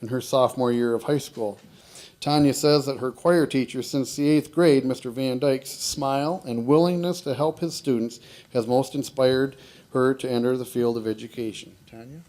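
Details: Adult male narrator; Normal speech.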